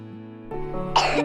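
An acted child's cough, a short rough burst following a brief voiced throat sound, heard over soft background music.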